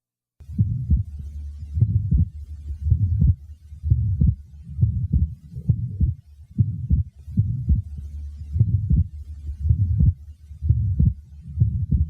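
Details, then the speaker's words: Patient with atrial septal defect: heartbeat about 60 a minute with widely fixed split second heart sound, preceded by a murmur. "the following example demonstrates a widely fixed Split Second sound this was taken from a patient with an atrial sepal defect concentrate only on the second sound and try to ignore the murmur which precedes it"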